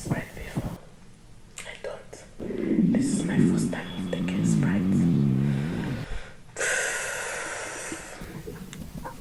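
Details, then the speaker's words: Pregnant woman's belly after drinking a carbonated soft drink (Sprite, first time): loud, wavering low gurgles and bubbling rumbles for several seconds with rustling noise (borborygmi), a normal finding. "Look, my stomach is grumbling. My stomach is making noise. My stomach is making noise."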